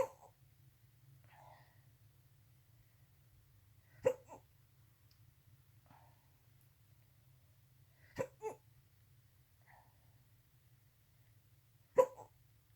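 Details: Infant night hiccups: regular hiccups about every four seconds, often doubled, about 15 a minute, with soft breathing between over low hum.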